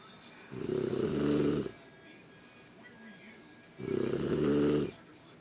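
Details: Person snoring: two long, rough, fluttering snores about three seconds apart with quiet between them, steady snoring.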